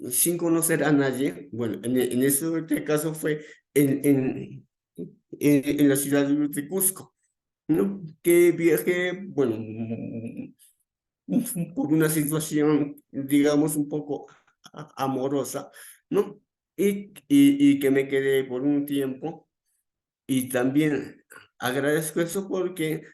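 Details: Real adult male with stuttering that began around age 7 and became more noticeable around age 11, described by him as uncontrolled that day; repetitions in speech; finding: stuttering.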